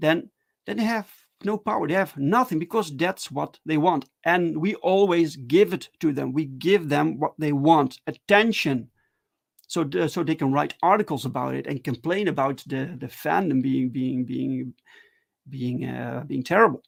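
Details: Adult man who stutters, talking live in a solo stream; stuttering.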